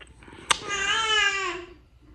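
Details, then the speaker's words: Baby girl just turned 3 months old, reportedly having had RSV: a click, then a drawn-out high musical vowel sound falling off at the end; ordinary cooing, normal infant vocalization. "She just doing the most, making a lot of noise. She making so much noise right now. Hey, she doing what a 3 months supposed to do."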